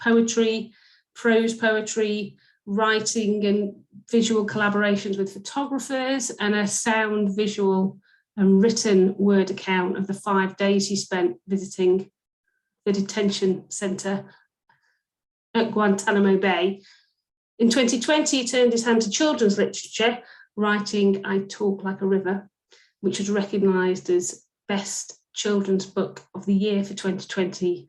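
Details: Adult woman speaking; fluent speech.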